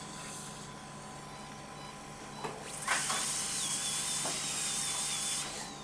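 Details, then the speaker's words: Dental drill whine, starting up and running steadily over room hum, as a veterinarian enlarges a carious cavity in a molar behind the carnassial tooth of a 6-year-old Labrador for a filling, keeping the outer opening small. "So I'm just making inside cavity little bigger and I am outside I'm just trying to keep as as smaller as possible."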